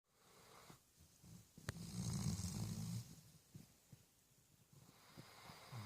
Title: My puppy snores like a truck driver